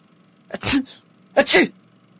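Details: A person sneezes on waking up: two quick sneezes in a row, each a short intake followed by an explosive burst; sneezing.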